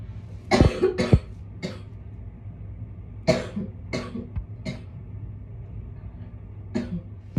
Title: Girl bronchitis coughing